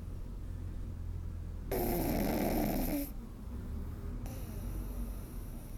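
One loud, buzzing snore on a breath in, then quieter breathing; snoring in a sleeping flat-faced puppy.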